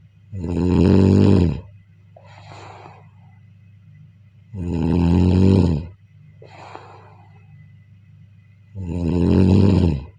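Deep, loud buzzing snores about 14 a minute, each followed by a softer breathy out-breath; steady snoring during sleep.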